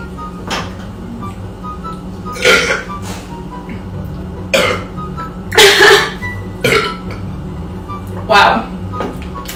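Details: Several loud, voiced burps in a row, some long and drawn out, over background music, from a young woman burping on command after an Irish coffee; deliberate burping.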